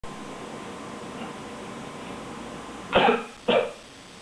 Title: I coughed, bon bon complained?